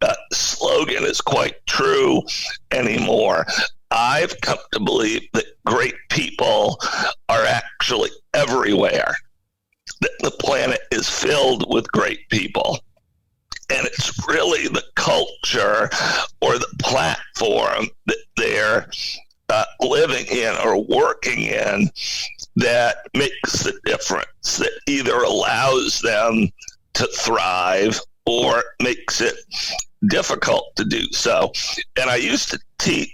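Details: Adult male CEO with spasmodic dysphonia, a rare neurological voice disorder affecting only speech, with no known cause and no known cure; acquired in 2010, when using his voice suddenly became hard; finding: spasmodic dysphonia.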